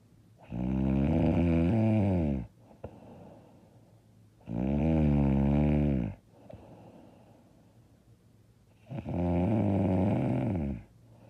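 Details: Three loud, rough snores, each about two seconds long, with quiet breathing between them, about 16 a minute; very loud, hard snoring during sleep.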